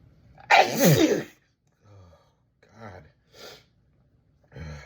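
A forceful sneeze with a rising voiced 'achoo', followed by soft breaths and sniffs in a quiet room; an ordinary sneeze.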